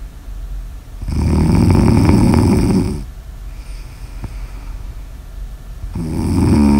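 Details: Snoring in an ASMR sleep recording: a loud, rough, rattling snore on inhalation, followed by a quieter breath out and the start of the next snore.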